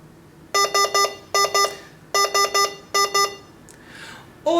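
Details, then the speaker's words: Repeating groups of loud high electronic beeps from a Hawkmed HK 400III veterinary syringe pump at the end of a 10 mL accuracy-check infusion, with finished signal; syringe pump infusion-complete alarm. "we've just headed into our final millibar infusion now so we should see our alarm our syringe pump alarm shortly with a finished signal and hopefully that line is accurate on our 10 mil mark"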